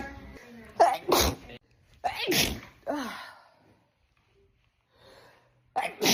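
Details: Sneeze compilation: a quick run of sharp, explosive sneezes, each with a brief indrawn breath before it, then a final sneeze after a pause. Sneezing.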